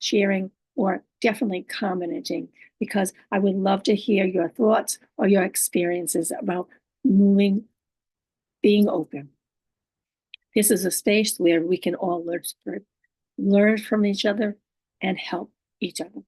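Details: Woman living with aphasia, apraxia of speech and dysarthria; her speech is sometimes hard to understand and distorted; she repeats and restarts a phrase; aphasia with apraxia of speech and dysarthria.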